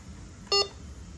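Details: A single short electronic beep from a Wellcare infusion pump just after starting 100 mL over half an hour, over faint room noise.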